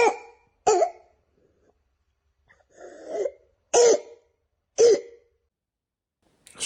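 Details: Croup (acute laryngotracheobronchitis) in a child: short bursts of harsh, barking coughs.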